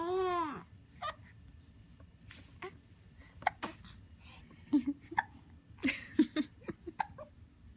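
A child's voice with several short, abrupt vocal jerks repeating at irregular intervals, fitting hiccups.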